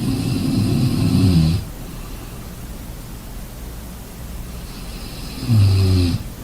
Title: Combination ocean sounds and snoring